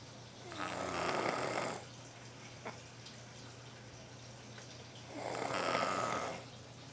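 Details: Ashlyn sleeping on a treadmill snores: snoring.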